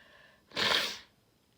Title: Strong sneezes